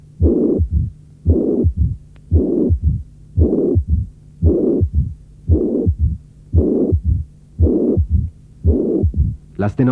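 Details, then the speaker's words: Mitral regurgitation without mitral stenosis: systolic murmur with a third heart sound and a brief, distinct mid-diastolic rumble beginning with the third sound, demonstrated component by component. "En l’absence de sténose mitrale, on peut parfois percevoir un bref roulement mésodiastolique bien net, qui commence avec le troisième bruit."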